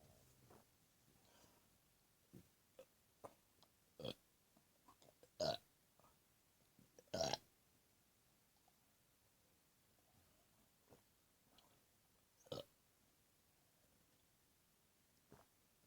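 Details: Burps: short, gulping belches, three of them louder, separated by quiet gaps and small throat clicks in a quiet room.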